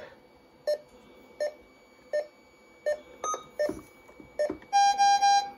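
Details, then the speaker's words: Datex Ohmeda 3900P pulse oximeter, alarm silence period expired: short regular pulse beeps, then a louder three-part active alarm tone. "let me try that there we go so there's an active alarm now"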